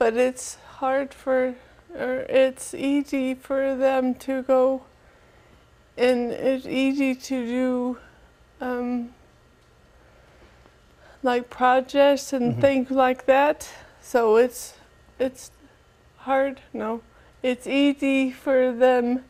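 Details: Adult woman with aphasia after a stroke on September 30th, attending an aphasia center program; finding: aphasia.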